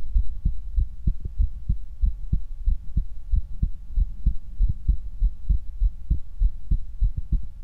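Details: Heart auscultation through a stethoscope: regular paired low thumps of a heartbeat at about 95 beats a minute, with a faint steady hum.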